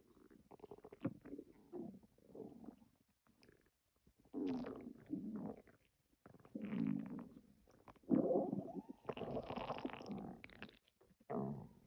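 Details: Repeated gurgling, bubbling stomach-growling rumbles in bursts with short quiet gaps, from gas and fluid moving through a person's gut: borborygmi.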